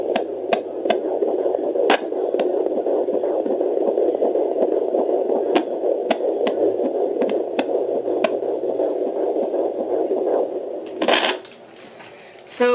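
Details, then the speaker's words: Home fetal Doppler used by the mother between appointments: fast whooshing fetal heartbeat, displayed about 147–148 bpm, described as normal with the baby relaxed. "that's the baby's heartbeat kick speeding oh he's not telling me 148 147 so it's about 140 it's normal babies kind of relaxed right now very normal"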